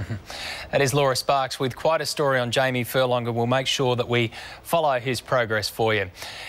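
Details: Adult male presenter; Normal speech.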